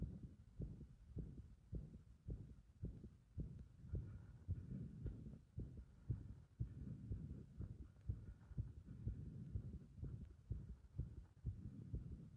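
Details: Heart sound with rhythm thrown into disorder by compression (pressure); fast, low thumps near 120 a minute, unevenly spaced, over a steady hum; irregular heart rhythm.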